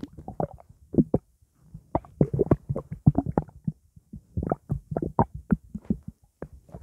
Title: Blackcurrant juice sloshing in my stomach